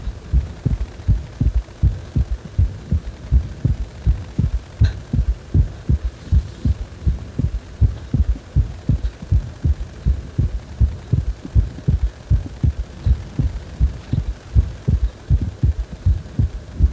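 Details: Steady low thumping heartbeat at about 80 beats a minute with a faint hum underneath, described as a heart that feels wobbly ("guragura").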